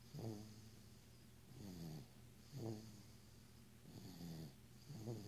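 Soft, rhythmic rattling snores, each with a low buzzing quality, about 25 a minute; snoring in a sleeping infant.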